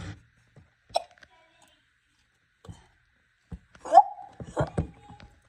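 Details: Several short sharp catches in the breath amid a child's voice and room sounds; a child named in the title having hiccups.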